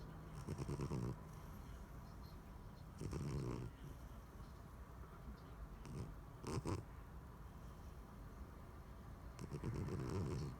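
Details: Quiet snoring in a sleeping cat: soft, rumbling noisy breaths recurring every few seconds against background noise.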